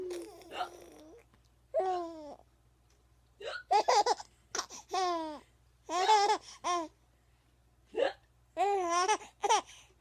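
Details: Hiccups during laughter: laughing and babbling interrupted by abrupt voiced catches, fitting repeated hiccups.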